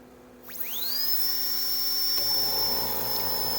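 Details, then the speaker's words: Portable field dental unit (ASI Triton Traveler): a rising whine settling into a steady high-pitched whistle of the high-speed handpiece, with the compressor hum underneath at about the same volume. "hear the compressor running it's approximately the same volume as the high speed handpiece"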